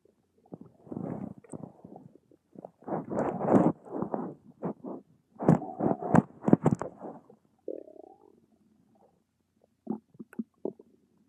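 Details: A run of gurgling, bubbling rumbles in irregular bursts, then a few softer gurgles; ordinary stomach rumbling (borborygmi).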